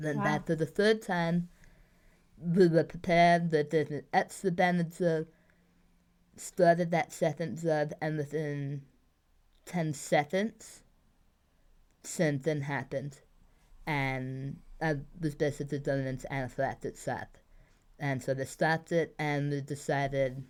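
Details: Adult woman treated for two bouts of tongue cancer with surgeries, chemotherapy and radiation, with communication difficulties; articulation impairment after tongue cancer treatment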